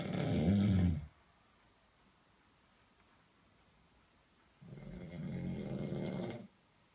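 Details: Drunk man snoring: two loud, low rattling snores about five seconds apart, with quiet pauses between breaths; heavy snoring.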